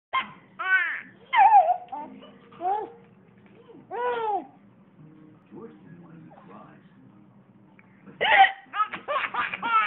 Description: Cute baby laughs as mommy has the hiccups